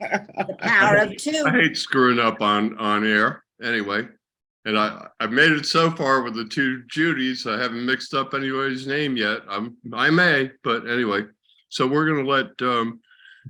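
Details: Adult male speaker; normal speech.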